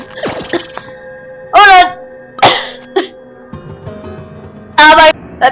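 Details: Two loud harsh coughs and a shorter cough over background game music, from a sick young person with a cold and nasal symptoms.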